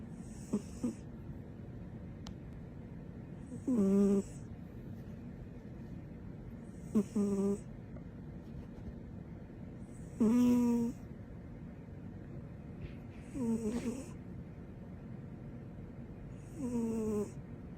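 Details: Female snoring with her tongue out: regular whistling, squeaky snores with a hissy edge, about nine a minute, in a quiet room.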